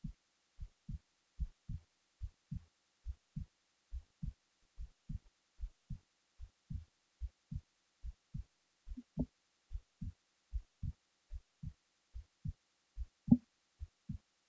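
Steady low thumps at about 72 beats a minute, even in rhythm; an ordinary resting heartbeat.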